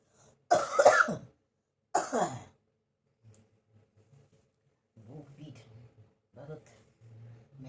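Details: Adult with a cough lasting many days, a burning feeling in the back, and on medicine, which they blame on hot-cold weather changes: two loud coughs followed by quiet voiced sounds.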